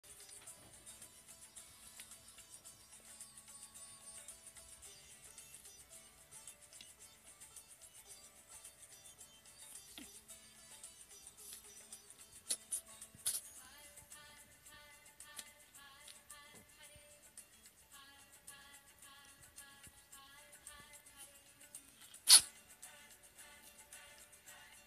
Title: Kitten sneezing